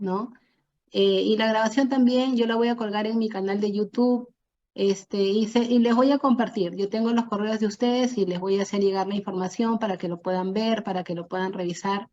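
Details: Adult woman speaking Spanish; ordinary speech.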